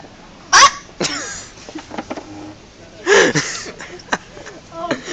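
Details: Person unsure whether these hiccups are normal: two loud, abrupt voiced bursts with short sounds and clicks between them, in a noisy room; hiccups.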